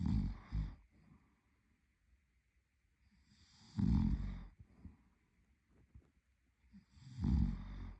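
Quiet, rumbling snores recurring every few seconds during sleep, about 18 a minute.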